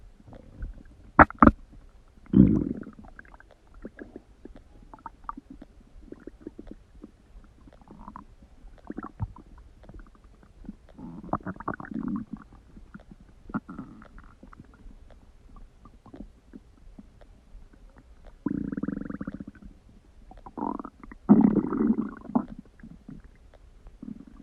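Loud gurgling and rumbling bowel sounds come in irregular bursts with quiet gaps between them.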